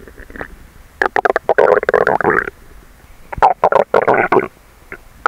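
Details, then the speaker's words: Bowel sounds of an adult about two hours after overeating a large meal and napping: two clusters of bubbling, gurgling stomach rumbles in a quiet room. "以前は、食後2時間くらいしたら、すぐに私のお腹の音が鳴ってたのですが…。あっ！。あっ、今！。私のお腹が唸り始めたので録音したいと思います😅。"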